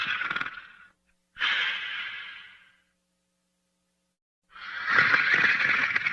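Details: Sleeping and snoring: hissing, airy breaths with pauses between them, noisy breathing or light snoring.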